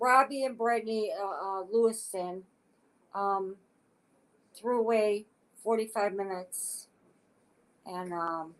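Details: Adult woman with aphasia acquired after a stroke; aphasia.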